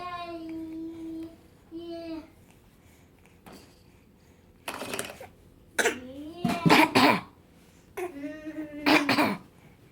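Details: Infant makes a few short, deliberate cough sounds between vocal babbling, a harmless voluntary fake cough.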